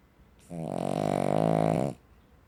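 One long, low, rattling, growl-like breath lasting about a second and a half: a loud snore from a small dog.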